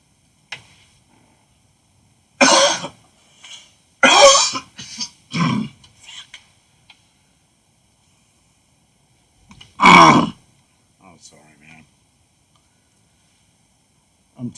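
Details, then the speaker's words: Cigarette smoker, who has been drinking beer, gives several harsh, forceful coughs with throat clearing in a quiet room: smoker's cough. "don't ever start smoking cigarettes I mean you can hear my voice you can hear me coughing"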